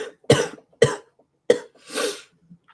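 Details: Three short, sharp coughs, then a softer throat-clearing breath, from a sick person with a cold, a stuffy nose and an affected voice: coughing with a cold.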